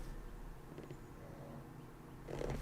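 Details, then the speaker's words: Sleeping dog snoring with low rumbling and a louder snort near the end, picked up in the background of a livestream; the dog stops after the owner wakes him. "you can hear my dog snoring i'm sorry yeah guys so we have uh some pretty chill background music featuring my dog snoring"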